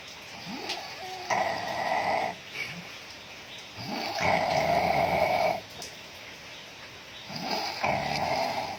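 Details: Drunk adult sleeping: three loud, harsh snores on the in-breath, each a second or more, with quiet gaps between; heavy snoring.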